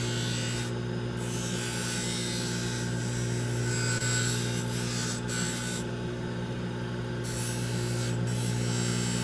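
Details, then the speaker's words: Constant motor hum with gritty rasping as an aluminum oxide wheel on a dental lab lathe trims the acrylic of a wraparound retainer, avoiding the wire, before the labial acrylic is thinned. "Got to be careful because if I hit a wire with this aluminum oxide wheel, it will chew through that wire like nobody's business."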